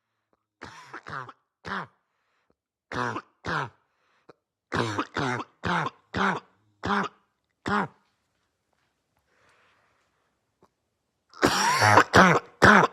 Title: Barking Cough Compilation 2